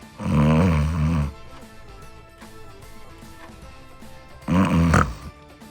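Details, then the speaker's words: Two loud, rough snores about four seconds apart over background music. It is one of a series of snoring types; it is described as loud but harmless from tiredness, though a nearby type is said to need prompt hospital care. "这一种很吵，但没有事，大多是因为真的累到了。"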